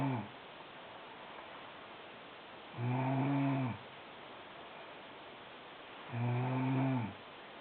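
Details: A sister snoring very loudly during sleep: regular, deep, rattling snores on each breath, about 18 a minute, with quiet pauses between.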